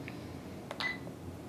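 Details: A soft click and short electronic beep in a quiet room as a key is pressed on a Sigma Spectrum infusion pump keypad during alteplase setup: keypad beep.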